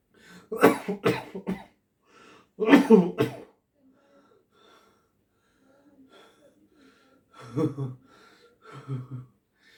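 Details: Acted coughing for a video audition: several short bursts of coughing separated by quiet pauses, in a small room.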